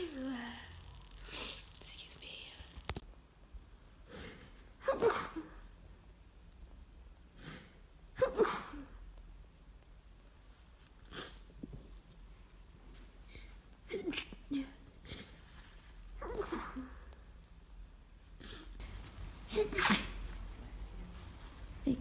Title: Sneezing fit from allergy…achiew! Clip from 8 minute video available now #pollenallergy #sneezing